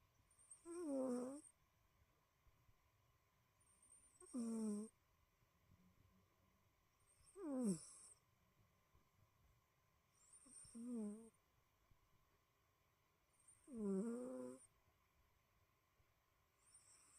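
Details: Soft, regular snoring from a sleeping cat, about nine breaths a minute.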